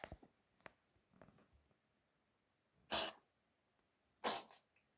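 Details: Cat with a cold sneezing repeatedly, episode lasting about 20 minutes.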